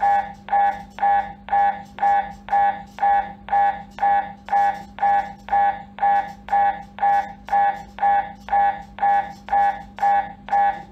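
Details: MRI scanner: loud, regular mechanical buzzing pulses about two per second over a steady hum, typical MRI scanner noise during imaging.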